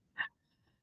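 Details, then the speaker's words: Sleeping, snoring dog, not really awake, answering a neighbor's dog barking outside: a single brief, muffled woof-like vocalization in its sleep, followed by quiet breathing. "The neighbor Snoring. dog's out barking, so he's going, "Ooh, ooh," Oh. but he's not really awake. He's barking back in his"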